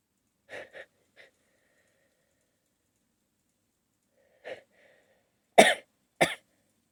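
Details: Several short, muffled bursts in two groups, the last two sharper and louder, from a person holding back sneezes triggered by a nose tickle; stifled, stuck sneezes.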